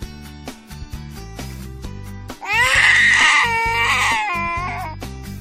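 Brief high wailing cry over loud music; an infant crying.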